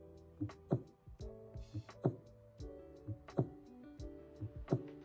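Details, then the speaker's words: Slow, regular lub-dub heartbeat at about 45 beats a minute, under 60, over soft background music: bradycardia, demonstrated for comparison with normal and abnormal heart sounds. "our heart can beat too slowly or left L than 60 beats per minute if this happens the body may not be able to maintain adequate blood flow to major organs"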